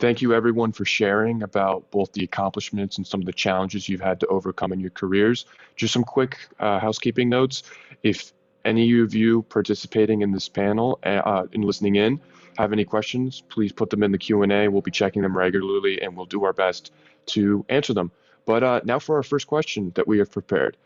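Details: Adult male speaker; typical speech.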